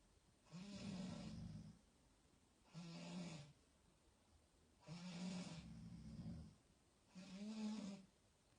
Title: My parents snoring